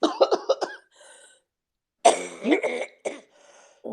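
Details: Several short, voiced cough bursts in a quick run, then a second harsh spell with brief quiet between bouts, from an adult who felt something go down the windpipe after blowing their nose: repeated cough.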